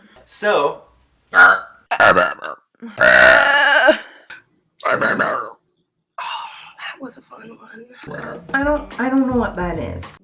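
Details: Adult belching in a small room: several loud, drawn-out voiced burps with short vocal sounds between them; burping.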